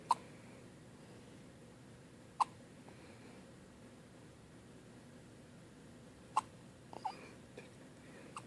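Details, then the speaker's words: Newborn baby on his first morning home with hiccups: soft, sharp, isolated hiccups a few seconds apart in a quiet room. "Hey. All right. You got the hiccups? Ooh."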